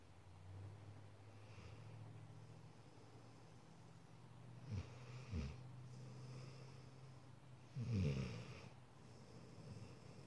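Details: Quiet, low rumbling snores with a few snorting breaths from a dog asleep while cuddling, whose snores can get loud and almost human-sounding; ordinary snoring.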